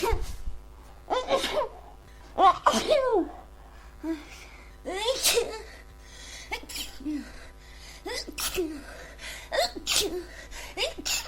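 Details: Congested sneezing from a person with a cold.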